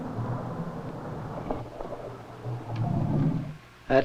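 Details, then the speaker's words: Wild elephant feeding in Bechuanaland, Africa, recorded up close: deep, low stomach rumbling mixed with crunching and rustling eating sounds, hard to tell apart, borborygmi. "Sometimes it isn't easy to determine which are stomach rumblings and which are eating sounds."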